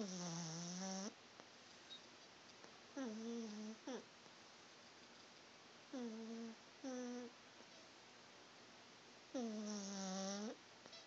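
Irregular whistling, tonal snorts and snores with quiet gaps between them; snoring in a sleeping small dog.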